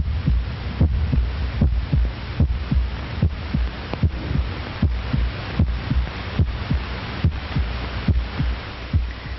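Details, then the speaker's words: Regular low paired heart thumps at about 70–75 a minute over a steady hum, from a 1937 educational film; described as the normal beat of an average adult at rest. "There is one heart sound as the ventricles contract and a second when they relax and the exit valves snap shut. This beat of about 70 per minute is normal for the average adult at rest."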